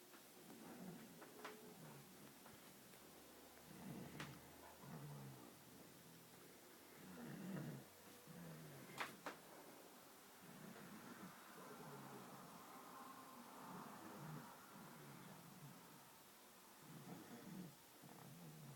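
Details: Sleeping child snoring: soft, low rumbling snores returning every few seconds over quiet room noise, with a few sharp clicks between them.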